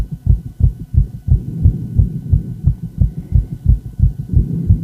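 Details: Female heart sounds with ECG: fast, regular, thudding heartbeats over a faint steady hum; a rapid heart rate, tachycardia.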